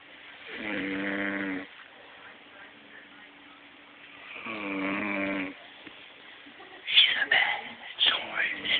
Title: SNORING LIKE MICHAEL JACKSON